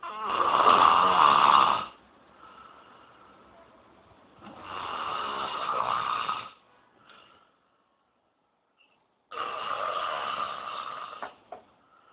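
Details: Three loud, rough, rattling snores on breathing in, separated by quiet breathing out and pauses; snoring.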